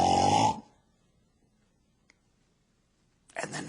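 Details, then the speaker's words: Imitated sleep apnea: a loud snort, nearly three seconds of silence, then a noisy gasping breath, a pattern of heavy snoring with repeated breathing pauses from upper airway obstruction. "what is sleep apnea it's heavy snoring with repetitive pauses in breathing I'm going to emulate it but I can't possibly put out the volume that wakes an entire household up when a person has sleep apnea sounds like this"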